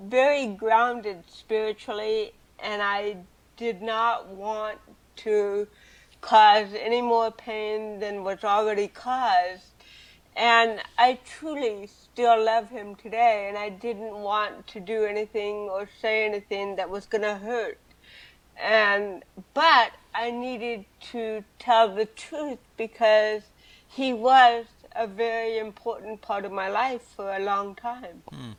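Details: Adult woman with cerebral palsy since birth, also hearing impaired and wearing hearing aids, speaking in an interview; dysarthric speech in cerebral palsy.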